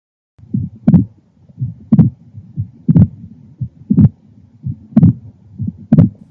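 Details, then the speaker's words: Man in his mid-50s with calcific constrictive pericarditis, exertional dyspnea, neck fullness and raised JVP: regular heartbeat near 60/min with a sharp, high-pitched early diastolic extra sound after S2, a pericardial knock, not a low-pitched S3. "The high-pitched early diastolic sound on auscultation is a prominent 'pericardial knock'. The high-pitch frequency distinguishes it from a third heart sound, which is more subtle, low pitch, and occurs earlier."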